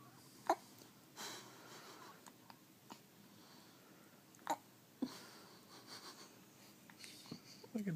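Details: Hiccups: three sharp, brief hiccup sounds at irregular intervals over faint room noise; ordinary hiccups.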